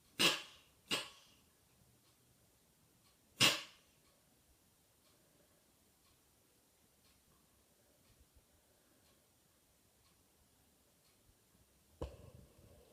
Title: Sneezing cat